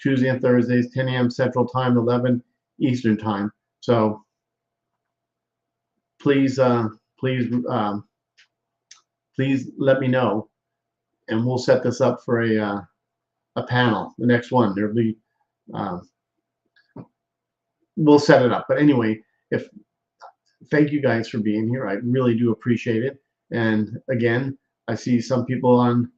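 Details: Aphasia after stroke in a male stroke survivor, with word-finding difficulty; aphasia.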